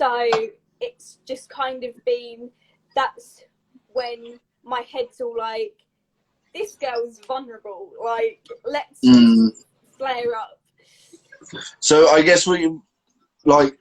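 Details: Adult woman with a stammer since age three, described as a neurological speech impediment, with blocks and repetitions; stammering (stuttering).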